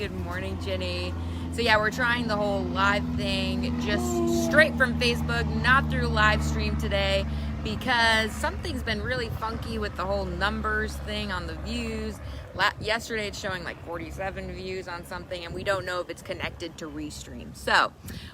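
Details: Adult man speaking; Normal speech.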